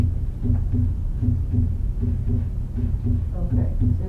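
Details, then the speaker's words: Teaching-CD recording of normal heart sounds: regular low paired sounds at about 80 beats a minute over a steady hum, heard at the base of the heart; normal S1 and S2. "remember we talked about the end listen to normal S1 and S2 heart"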